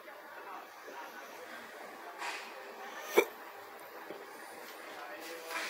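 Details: Hiccups while walking back to a hotel after a day at the beach: one sharp, abrupt hiccup over soft room noise, with a couple of fainter catches around it.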